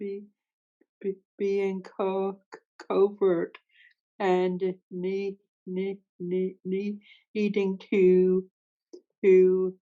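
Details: Real stuttering in a woman who stutters, speaking with sound and part-word repetitions; finding: stuttering.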